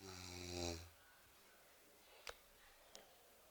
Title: Ngorok